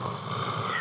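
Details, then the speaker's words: Imitated snoring demonstrated by a breathing expert: a rich, deliberately produced snoring sound made while explaining mouth breathing and over-breathing during sleep. "And so you make that snoring sound."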